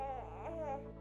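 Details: Infant whimpering from a RealCare Baby 4 computerized infant simulator doll: a soft, wavering whimper with a steady hum beneath.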